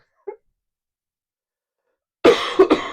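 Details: Adult coughing during a live Q&A stream, having warned viewers of repeated coughing; a faint throat sound, then a burst of two or three harsh coughs, followed later by throat clearing.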